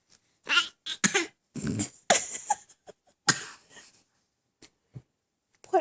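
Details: Young drooling child making deliberately faked coughs: several short, forced coughs and hiccup-like sounds in a quiet room; simulated, not real coughing.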